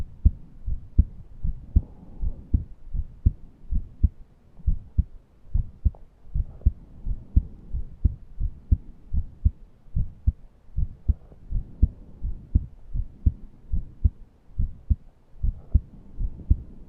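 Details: Self-recorded heart and chest sounds while short of breath and unable to breathe deeply: steady low heartbeat thumps with a faint, intermittent higher whistling wheeze over them.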